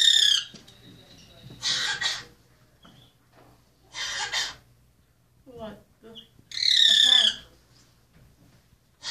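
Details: Cough-like bird call: harsh, raspy bursts from a grackle, repeated several times, that closely resemble a human cough and were first mistaken for a man coughing; recorded at Willowbrook Wildlife Center, Glen Ellyn, IL.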